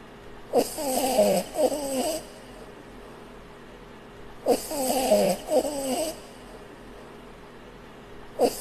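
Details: Snoring from a sleeping puppy.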